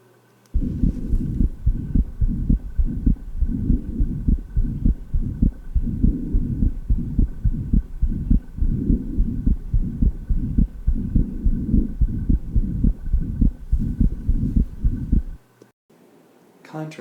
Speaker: Now listen at the upper left sternal border in the same patient, listening for the widely split, fixed second heart sound and the systolic murmur across the pulmonary valve.